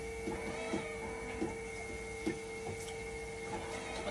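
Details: Steady hum with a constant tone and irregular soft clicks and pump knocks: a hemodialysis machine run in dialysis mode during a repair test for a recurring 5-volt level detector failure.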